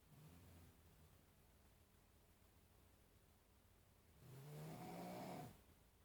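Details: Adult man asleep around midnight, recorded by his wife: a low snore fades into a pause, then a loud, harsh, vibrating snore on an in-breath: loud snoring.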